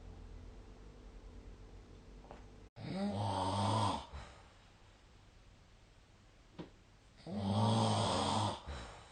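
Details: Snoring during sleep, recorded with the SnoreLab app: two loud, rumbling vibratory snores about four seconds apart, separated by quiet exhalation, against faint room hum.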